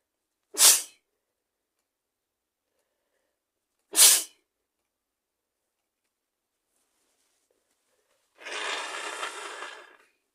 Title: Rapid cold sneezes 🤧💕